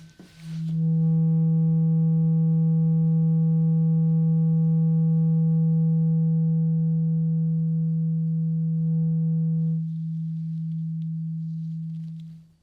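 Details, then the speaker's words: Simulated hearing-test roleplay in an ASMR ear exam: a tuning fork is struck and the eyes-closed listener is asked to say when the sound stops; a steady pure ringing tone lasting about eleven seconds slowly fades. "I think we took the tuning fork. And I need you to close your eyes. Close your eyes and tell me when the sound stops."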